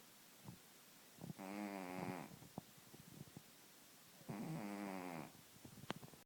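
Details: Obese male cat, owner suspects sleep apnea, snoring: two long, buzzing, vibrating breath sounds about three seconds apart, with quiet clicks between.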